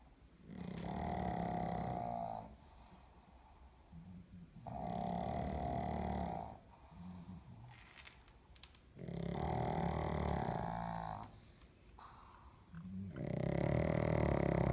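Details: Sick female pug sleeping: loud, low, fluttering snores on each breath in, softer snorting breaths out, about 14 breaths a minute; flat-faced dog snoring.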